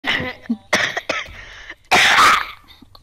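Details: A run of about four harsh, forceful coughs with rough, raspy tails, the last loudest and longest; a harsh, productive-sounding cough.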